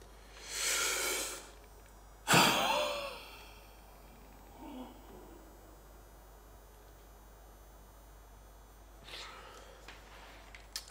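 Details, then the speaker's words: A deep breath in, then a sharp forceful blast out that tails off: a forced vital capacity blow into an ndd Easy on-PC ultrasonic spirometer during a demonstration test. "start the test so this is going to be my force one now"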